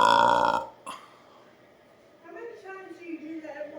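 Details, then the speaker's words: Person who says they can't stop burping, with many burps built up: a loud, drawn-out belch, then a quiet pause and soft talking. "oh I'll have a lot of burps coming up"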